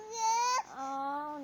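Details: Infant crying with two loud, tuneful wails separated by a brief catch of breath, while asked where Vice Ganda is: ordinary baby crying.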